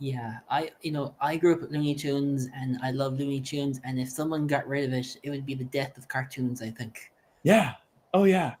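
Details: Adult male speaker; typical speech.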